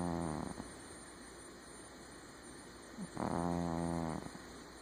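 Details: Snoring in a sleeping cat: a buzzing, fluttering snore on one breath, then a quiet gap and a second, longer snore.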